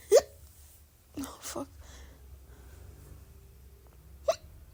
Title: Croack sounds R-CPD and some little burps (with some hiccups)